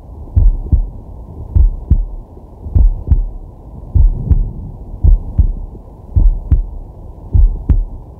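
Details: Male relaxing with a digital stethoscope on his chest: steady, deep paired "guh-gunk" thumps at about 50 beats a minute over a low hum, with slow deep breathing behind; normal resting heart sounds.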